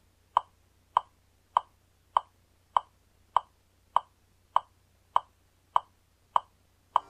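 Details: Sharp, even metronome clicks at 100 beats per minute pacing chest compressions during infant cardiopulmonary resuscitation on an actual infant patient.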